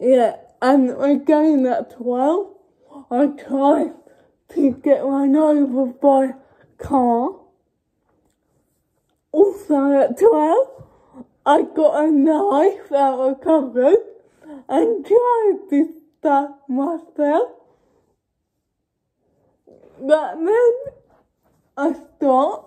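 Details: Young woman with cerebral palsy speaking informally to camera; dysarthric speech in cerebral palsy.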